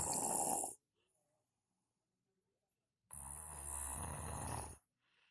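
Two rough, rattling snores separated by a silent pause: snoring.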